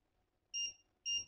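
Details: Jziki JZK-301 fingertip pulse oximeter: two short high electronic beeps about half a second apart, beeping in time with the pulse.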